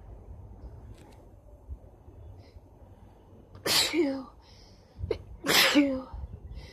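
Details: Two forceful sneezes a couple of seconds apart, each with a sharp indrawn lead-in and explosive burst, over faint room noise; part of rapid sneezing with nose blowing.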